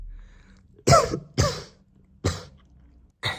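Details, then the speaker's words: An adult deliberately coughs onto a spoon: four short, deliberate coughs made on purpose rather than from illness. Voluntary cough. "прямо сейчас сию минуту я буду кашлять на ложку"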